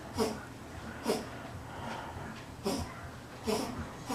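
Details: Sneezing from allergies: four short, forceful nasal bursts within about four seconds, repeated sneezing.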